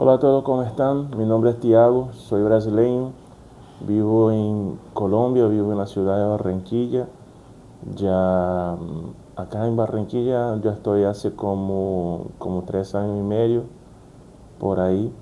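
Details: Brazilian adult man stuttering since childhood, speaking Spanish as a second language; worse when nervous, trouble with double-R words, also has a neck tic; stuttering.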